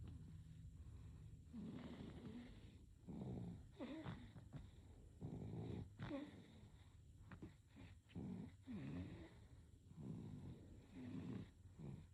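Soft, irregular snorting and snuffly snores from a sleeping baby, recorded quietly.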